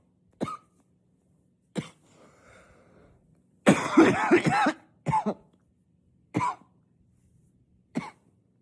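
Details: Unstoppable coughing spell, muffled by coughing into a pillow while trying to stay quiet but still loud and powerful: about six to eight repeated sharp coughs, one long loud burst among them.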